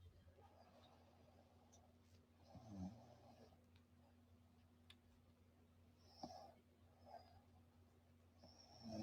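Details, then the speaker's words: Quiet room with a few soft, rough snoring breaths spaced several seconds apart from a person in deep sleep, described as tired and sleeping like a baby; ordinary snoring. "Yung cute niya para siyang baby. Pakinggan niyo, sarap tulog. Pakinggan niyo. Ma. Oh. Humihilik. Pakinggan mo."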